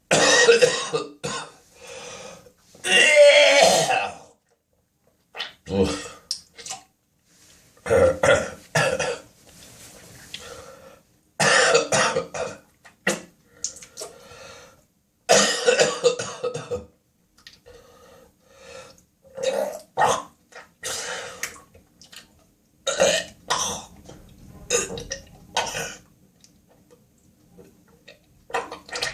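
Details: Adult woken at 4 a.m. by a severe coughing spasm: repeated harsh coughs with gagging, retching noises and spitting in clusters separated by short pauses; coughing fit with gagging and retching.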